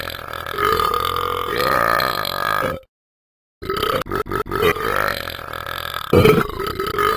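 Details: Simulated burps and coughs from the Talking Ben game character: several loud, drawn-out throaty burps with short silent gaps between them.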